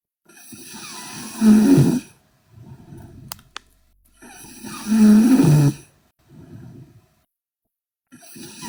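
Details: Sleeping young Korean woman snoring loudly and harshly on each breath in, with quieter breaths out, about 17 breaths a minute.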